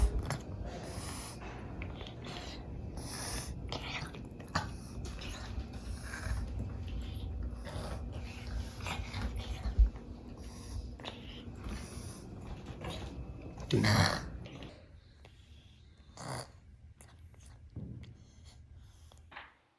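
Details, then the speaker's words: Rattly, snorting breaths through a stuffed nose: mild congested nasal wheezing in a dog, which owner says is common for him and not concerning, probably just needing his nose wiped. "This is an example of his breathing when his nose is stuffed, not super bad, but probably just needs to be wiped, or he's just having a little bit of a hard time breathing, but nothing really to be concerned about. It's really common for him to wheeze like this."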